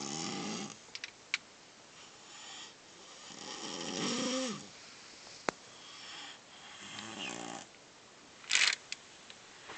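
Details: Light snoring from a small animal: soft, high, wheezy snores in slow cycles with a few clicks and rustles.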